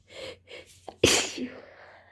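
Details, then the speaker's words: A girl with a cold and allergies is in a run of repeated sneezing into tissues. Two quick catching breaths come before a sharp, explosive sneeze with a short voiced tail. "I'm sneezing into tissues, but they're all getting wet. Phew. Phew. Phew. Oh boy, that was a big one."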